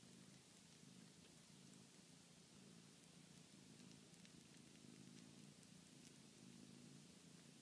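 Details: Sleeping kitten snoring.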